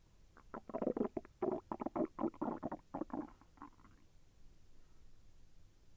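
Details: Bowel sounds during digestion, with the intestine moving and feeling slightly painful: a run of bubbling gurgles lasting about three seconds, then quiet; borborygmi.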